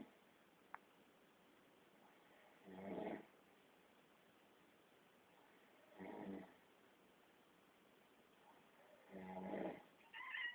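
Three rough, rattling inhalation snores about three seconds apart in a quiet room, roughly 18 a minute: ordinary snoring.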